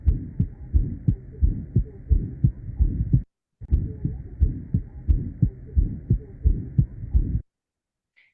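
Regular, slightly fast heartbeat near 88 a minute with a soft, low murmur between beats and a loud second sound: an innocent murmur.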